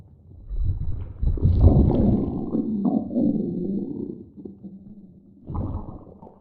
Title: Chase and snowball~ stomach growling